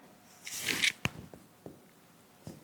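A brief rustle of clothing, then a series of soft, hollow finger taps on the back of the chest, a resonant percussion note over normal lung.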